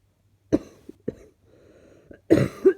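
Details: Mildly chesty cough an adult woke up with in the morning: three short, loose coughs with a faint rattly breath between them.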